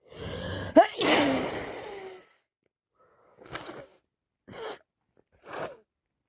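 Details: Adult with a head cold and sinusitis, eyes streaming and nose running: one loud explosive sneeze with a sharp intake and long noisy release, then three shorter sniffly bursts; non-stop sneezing.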